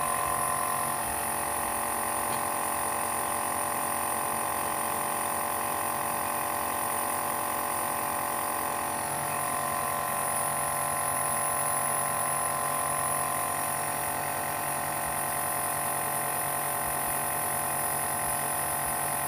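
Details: Omron compressor nebulizer running at home, used by an adult with asthma and allergies: a steady, loud mechanical hum and hiss with no breaks.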